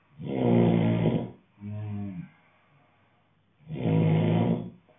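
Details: Man snoring loudly: deep, rumbling snores on each breath in, with a softer, lower rattle on the breath out.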